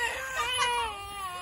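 A baby's high, wavering cry with falling pitch, fussing rather than screaming; an ordinary infant cry.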